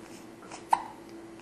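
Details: A single sharp, abrupt hiccup from a 2-week-old baby against quiet room noise, one of a series of hiccups.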